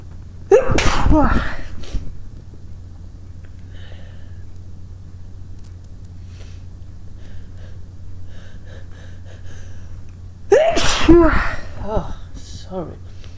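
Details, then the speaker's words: Induced sneezing using a plant stalk held to the nose, eyes watering and nose running, caught in a handkerchief: two loud, forceful sneezes about ten seconds apart, each with a voiced gasp, over a steady low hum. "sorry just now I'm using a pil plant and God it's making me sneeze a lot oh my eyes are watering"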